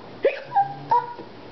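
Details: Simulated hiccups from someone pretending to hiccup at the dinner table: three short, sharp, voiced gulps evenly spaced within about a second, each followed by a brief trailing tone.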